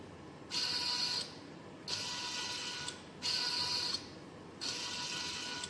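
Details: Student-built emergency COVID-19 ventilator (E-Ventilator KMITL, Arduino Mega and ESP32 control) running: rhythmic mechanical whirring in alternating strokes, about 22 a minute, as a motor-driven arm cycles back and forth.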